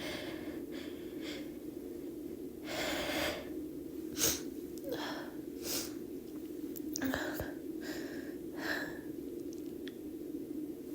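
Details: A girl's deliberately induced sneezes: several soft breathy bursts and catching inhalations over a steady background hum, forming sneeze build-ups and small sneezes.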